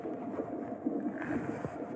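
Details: 17-year-old pregnant girl at a planned check-up with cardiotocography: a fast, whooshing, rhythmic pulsing from a Doppler fetal monitor, the unborn baby's heartbeat.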